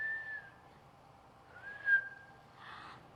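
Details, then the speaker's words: An adult pediatrician imitates twice the thin, high expiratory whistle heard in a child breathing fast with a respiratory infection, followed by a soft airy breath: an imitated expiratory wheeze. "vamos a ver un niño que respira más rápido, vamos a oír un pitito como cuando respiran, ¿de acuerdo?"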